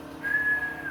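A steady high-pitched whistling tone, held then tapering, imitated by mouth: a wheeze, the musical sound of air forced through a narrowed airway.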